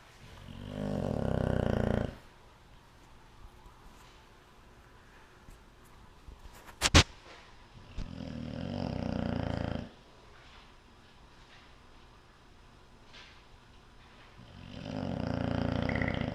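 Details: Yum Yum snoring very loudly in sleep: deep, rattling snores on each breath roughly every seven seconds, with a brief click between.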